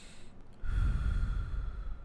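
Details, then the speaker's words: Physical exam of the respiratory system: after a brief quiet, one long, deep, steady breath during a chest expansion check; deep breathing. "el murmullo vesicular aumenta a causa de la hiperventilación se produce durante el ejercicio en caso de acidosis metabólicas"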